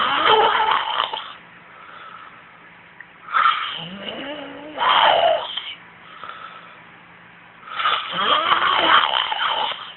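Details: Adult man snoring during sleep, with three loud, rough snoring breaths and quieter exhalations between, about one breath every three to four seconds.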